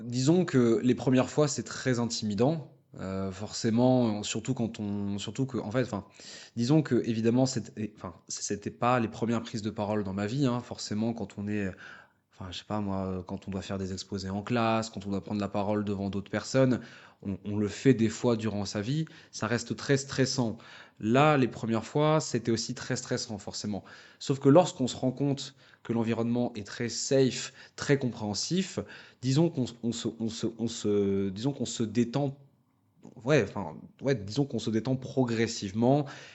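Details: French-speaking person who stutters, working in dubbing and voice-over, with part-word and phrase repetitions; stuttering.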